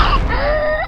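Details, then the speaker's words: An infant with whooping cough (pertussis), a potentially fatal illness with coughing fits lasting weeks to months: a brief, high-pitched, rising inspiratory whoop. "well imagine a cough barreling through your infant's body at up to 100 mph with enough Force to make him gasp for air again and again for weeks even months pessis or whooping cough is potentially fatal"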